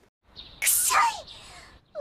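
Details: Simulated sneeze acted by a voice performer: a character soaked by a passing car gives a quick intake of breath, then one sharp, breathy sneeze.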